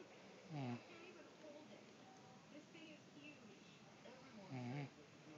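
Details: An adult woman (mom) snoring during sleep: two rough, vibrating snores about four seconds apart, with quiet breathing between; ordinary snoring.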